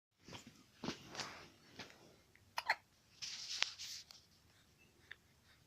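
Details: Baby hiccups: several brief, sharp, breathy catches at irregular intervals in a quiet room; the baby is described as uncomfortable, fussy, close to crying, possibly thirsty.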